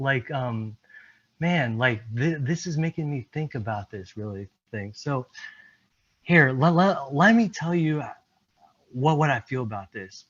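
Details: Presenter at a stuttering-community event, speaking with word repetitions. Finding: stuttering.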